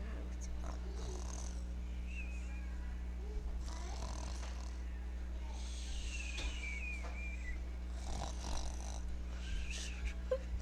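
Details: Infant snoring: soft, rhythmic noisy breaths with faint whistly squeaks every two to three seconds over a steady low hum.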